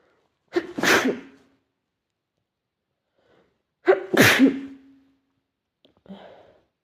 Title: Sneezing to much